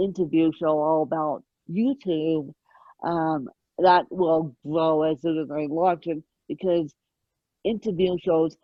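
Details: Adult woman with moderate, mid-spectrum ataxic cerebral palsy present since birth, caused by lack of oxygen at birth, needing 24-hour care; ataxic dysarthria (cerebral palsy).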